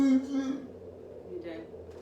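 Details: Dysarthric speech in a transgender woman, transitioning from male to female, with a serious disability: cerebral palsy that affects her speech.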